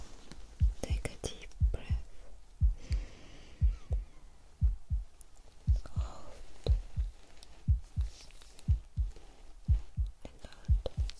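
Steady paired lub-dub heartbeats at about 60 a minute, heard through a stethoscope during a role-play exam, with faint whispering.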